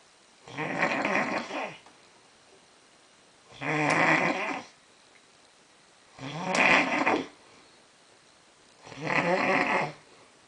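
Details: A man snoring very loudly: loud rattling snores on each breath in, about four in ten seconds with quiet pauses between, roughly 22 breaths a minute; snoring.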